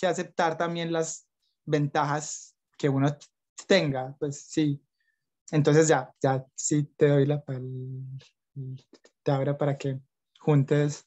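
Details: Young adult Colombian man, Spanish-speaking, who stutters and reports blocks and repetitions; stuttering.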